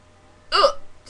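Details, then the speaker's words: Person with really bad hiccups: a single abrupt voiced gulp, a sudden catch of breath with a squeak; a hiccup. "okay we've got really bad hiccups and we're waiting for them I don't think I scared"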